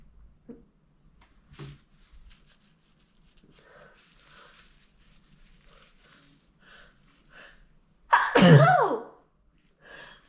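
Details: A female's messy, uncontrollable sneeze: a few quiet breaths and sniffs, then one loud, wet sneeze with a sharp burst and a trailing voiced release.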